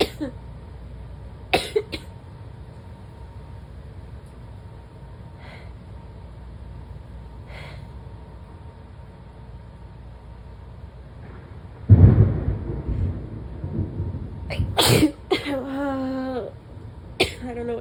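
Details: Person with an ongoing sneezing fit and a cough that feels stuck, which they say wants to turn wet. Quiet room with faint throat sounds, then a loud sneeze-like burst and harsh coughs with a brief groan.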